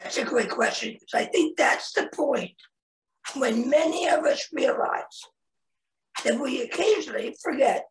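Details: Real adult man, a head and neck cancer survivor, 25 years after a total laryngectomy in 1996 at age 41, with a primary tracheoesophageal puncture and secondary prosthesis placement; tracheoesophageal speech.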